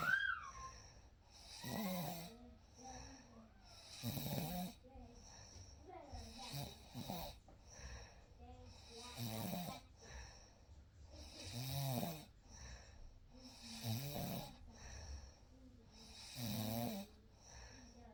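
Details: Real night recording of sleep with a baby: soft, irregular snoring breaths in a quiet room with faint background sounds; gentle snoring during sleep.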